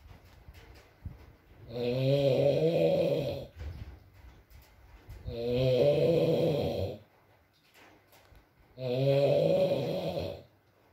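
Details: Adult man (boyfriend) asleep, ASMR recording with rain and mumbles: loud rattling snores on each in-breath, about three in eleven seconds, against soft rain and room noise; ordinary snoring.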